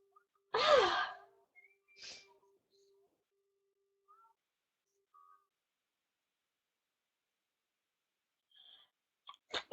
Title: Sneeze Vid #1 | stifled fit